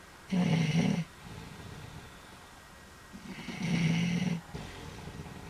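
Two loud, rumbling snores on the in-breath with quieter breathing between them.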